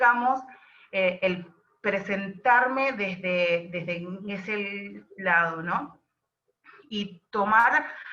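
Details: Adult woman who describes herself as a stutterer (tartamuda), speaking Spanish; stuttering.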